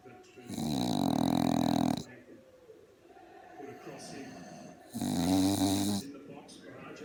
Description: Dog - Pug - snores like an old man..